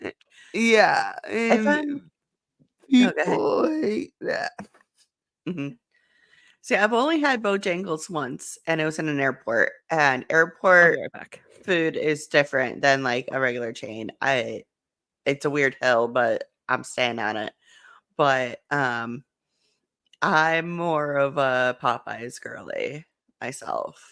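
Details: Adult woman speaking; normal speech.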